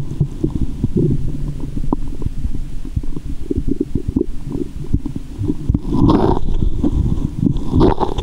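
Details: Loud, continuous low rumbling and gurgling with sloshing, picked up by a GoPro and stethoscope in the belly button after candy and fizzy Japanese soda while belly waves are made; active normal bowel sounds.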